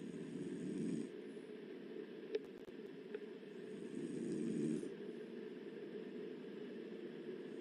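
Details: Adult woman sleeping, open-mouth snoring: two low, rumbling snores about four seconds apart, roughly 15 breaths a minute, with quiet airy deep breathing between.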